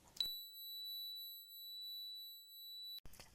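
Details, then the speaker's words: Simulated tinnitus, a steady high-pitched whistling tone for about three seconds, played as the ringing heard by a person who has lived with tinnitus for years and noticed it grow louder with fear. "i have lived with tinitus for years for the longest time I was stuck in what I know called the tinnitus trap where this sound became louder the more I fear it i will even play the sound here so you can have a sense of what I hear"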